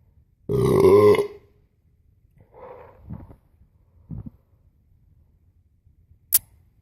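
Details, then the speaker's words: In a belching montage, one loud, long, low rumbling belch, then a few smaller grunts and a sharp click: burping. "Yep, that one I felt the fume. I think fume is the right smell. You know, I caught a whiff of the fume."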